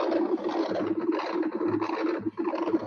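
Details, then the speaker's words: Transcranial Doppler during a bubble test (agitated saline injected) in an ischemic stroke patient with a lax septum and intracardiac right-to-left shunt: normal pulsing whooshing flow, then brief chirps and pops of microembolic signals (HITS) reaching the brain. "ese no es el sonido normal de un Doppler. Eso significa que todo el flujo está pasando del lado derecho al lado izquierdo y está embolizando a nivel cerebral."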